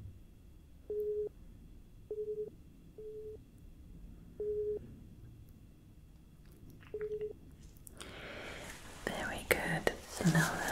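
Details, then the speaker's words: Simulated ASMR role-play hearing test, with the listener asked to say whether beeps are heard left, right or both ears: five short steady beeps at irregular intervals, then soft rustling; pure-tone test beeps. "so first thing I'm going to do is the beep test I'm going to be playing some beeps I'm going to need you to tell me whether you hear them to the left to the right or in both ears"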